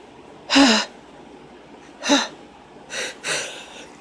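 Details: Adult woman with sneezing deliberately induced by tickling the nose: several short sneeze-like bursts with quick breaths between them.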